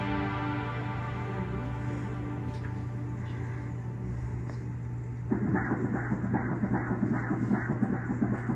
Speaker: nice steady strong heartbeat